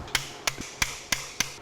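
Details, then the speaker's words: Surgical mallet driving an implant into a 30 mm femoral tunnel in knee posterolateral corner reconstruction: five sharp, evenly spaced metallic taps; normal operative sound. "i've drilled a 30 millimeter tunnel and i mallet it into place"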